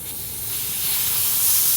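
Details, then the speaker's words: Oxygen flowmeter screwed into the green wall oxygen outlet in a medical gas therapy lab, then flow turned up; steady rising hiss of gas flow. "okay once I have a screw in I can then turn up the flow"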